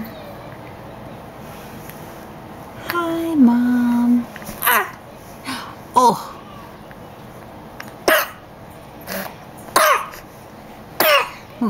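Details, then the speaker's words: Infant girl coos, then gives about five short, sharp coughs as milk from a bottle feed goes down the wrong way. "goodness that bottle must have gone down wrong"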